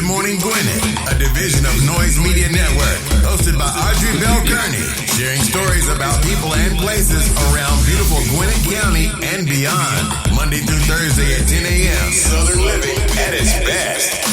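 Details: Adult male announcer; Normal voice.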